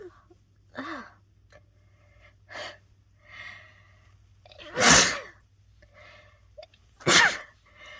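A run of loud, forceful sneezes, some with a sharp intake of breath before, separated by quieter breathing sounds.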